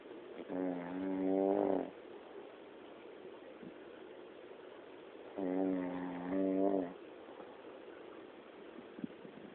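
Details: An adult woman snoring: two long, rough, buzzing snores on breathing in, separated by quiet pauses; ordinary snoring.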